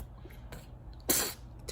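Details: Single short, harsh cough, probably from the mother, who has a sore throat and is sick alongside her son with RSV and fever; a cough during a viral respiratory illness.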